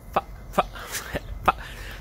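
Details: Adult male stand-up comedian with Tourette syndrome gives four abrupt, brief cough-like and clicking throat noises within two seconds: vocal tics.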